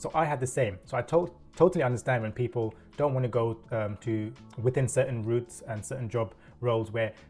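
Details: Adult man with self-reported stuttering (stammer) and a corporate career of over 10 years; part-word and word repetitions are audible; stuttering.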